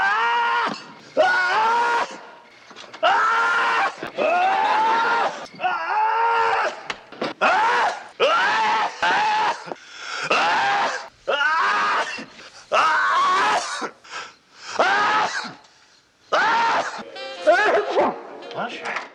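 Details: Acted on-screen sneezes by a TV character, several in quick succession, loud and strongly voiced, each a sharp gasp followed by an explosive burst.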